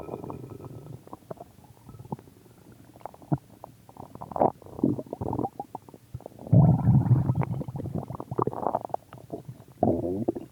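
Loud, irregular gurgles and rumbles with bursts of bubbling: ordinary stomach growling.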